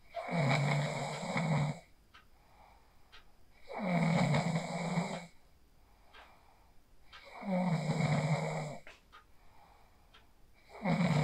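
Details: Phone recording of a person sleeping after practising the 4-7-8 breathing technique: loud rattling snores on each breath, about 17 per minute, with quiet gaps between. Regular heavy snoring.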